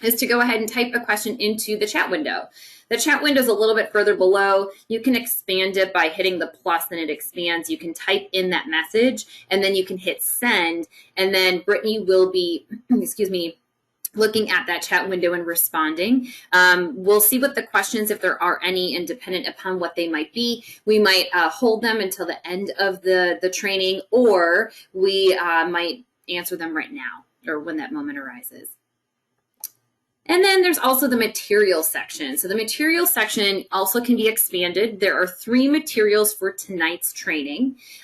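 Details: Adult woman speaking; normal fluent speech.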